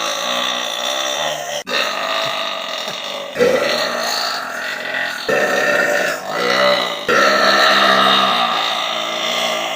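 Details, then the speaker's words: Deliberate, forceful burping: long, loud, rumbling belches running almost continuously with brief breaks; the burper reports a resulting headache and sore throat. "holy smokes I like a lot of power out of me oh crap that was like headache giving [Applause] wonderfulness I had the best bre of my life and it gave me a headache and now my throat's sore"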